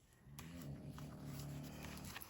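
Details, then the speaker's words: A low, steady rumbling snore from a pet dog sleeping nearby, faint against quiet room noise during a scrapbooking session; ordinary snoring. "I don't know if you can hear Sophie snoring over there. Life is so hard to be a dog in this house."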